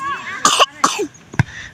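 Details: Cough: three short, harsh cough bursts from an older man outdoors in a village, with faint voices in the background.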